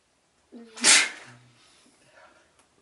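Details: A single sneeze with nasal itchiness but no blocked nose that day: a short voiced intake followed by one sharp, explosive burst of air.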